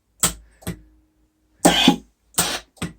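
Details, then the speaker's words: Sharp valve clicks with bursts of rushing air as a prototype mechanical ventilator delivers a mandatory breath at FiO2 21% (air valve only) into a simulated test lung. "these two valves are respectively the air and the oxygen valve and since the exhalation valve so if we set up here so the fio2 we set it up to 21% in this is pure air and he's gonna get pure air"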